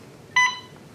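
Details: A single short electronic beep from an IV infusion pump confirming a key press during pump programming.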